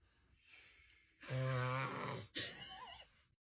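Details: Dad snoring in sleep, which frightens a baby: one loud, deep, rattling snore on the in-breath, then a softer snort and breath.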